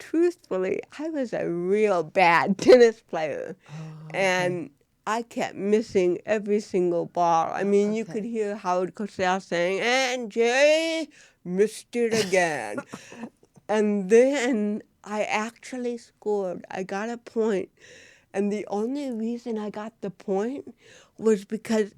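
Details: Woman (actress) with cerebral palsy, real, unacted speech in a studio interview; dysarthria in cerebral palsy.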